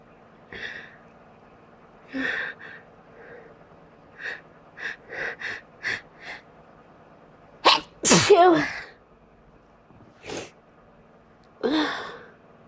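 A few quick catching breaths, then a loud, explosive sneeze with a hissing burst of air; an ordinary sneeze.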